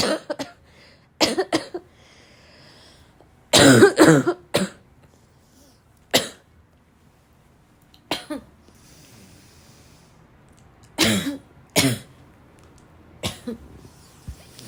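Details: Repeated harsh, dry, barking coughs from a girl in scattered bursts, mixed with throat clearing and snorts; barking cough.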